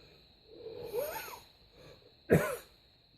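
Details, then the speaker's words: Acted, comedic adult cough in a quiet room, with chest pain and no cold: a drawn-out voiced groan, then one sharp explosive cough burst. "I woke up this morning with a terrible cough it's I don't have a cold or anything like that it's just this terrible cough"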